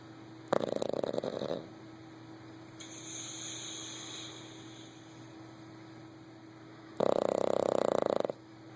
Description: My Boston Terrier, Anjel, is sitting like a person beside me in my recliner snoring loudly! Funny!